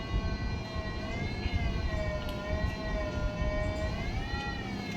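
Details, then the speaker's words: Steady irrigation/aspiration machine whine rising and falling over a low rumble during cortex aspiration: swiping cortex to the center before aspirating, in topical phacoemulsification of an NS3 cataract. "See? I'm just doing the swiping movements and bringing him to the center. I'm not aspirating them on the periphery. Bringing him to the center."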